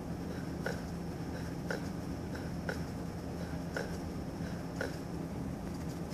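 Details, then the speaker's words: Regular heart sounds near 57 a minute at the pulmonic area of an adult male; normal physiologic split S2 toward the end of deep inspiration. "in the pulmonic area you normally may hear a split S2 toward the end of inspiration Because deep inhalation prevents the aortic and pulmonic valves from closing at the same time a split S2 sounds like"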